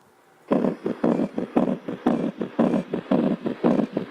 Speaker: it's a pericardial friction rub what's that a pericardial friction rub is due to the inflammation of the layers of the pericardial sac and they sound like this